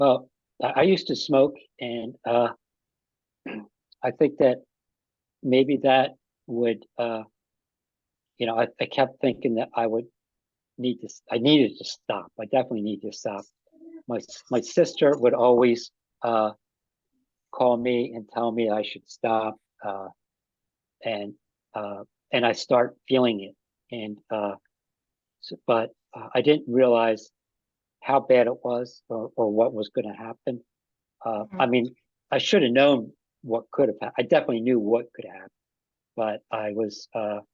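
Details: Post-stroke aphasia in an adult man, about five and a half years after an ischemic stroke that occurred together with a heart attack; ongoing difficulty with names and word tenses.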